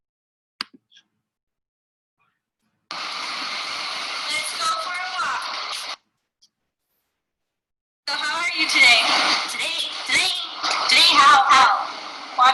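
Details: Echolalia in transcortical sensory aphasia, a rare aphasia: the patient cannot understand spoken language and repeats back what is said, with word repetition intact.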